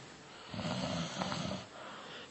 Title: RONQUIDOS - Los Mejores Audios de WhatsApp